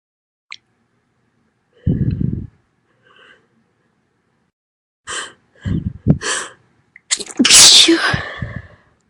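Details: Female, several loud sneezes, with a sharp inhaled build-up before the last and biggest burst; sneezing.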